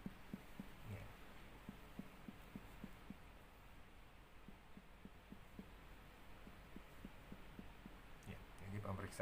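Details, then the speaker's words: Systematic percussion of a child's abdomen across all quadrants during a pediatric physical exam, after normal bowel sounds: quick, soft, hollow finger taps giving the normal tympanic note. "Secara normal di abdomen itu bunyinya adalah timpani ya."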